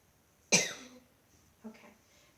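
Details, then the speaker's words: Adult female patient in a bedside nursing assessment, asked to take deep breaths and then cough on request: one sharp, strong voluntary cough, then a softer throat sound. She produces no mucus and is not on oxygen. "go ahead and take a deep breath in through your nose please and on this last breath go ahead and"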